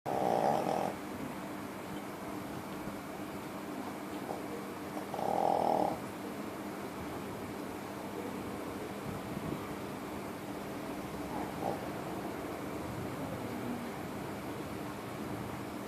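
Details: Sleeping Shih Tzu dog gives two loud snoring breaths over a steady background hum; ordinary snoring.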